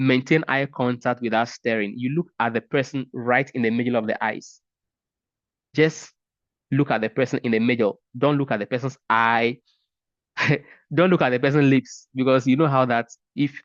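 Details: Adult man who has stuttered for about 30 years and is a speech and language pathologist; stuttering.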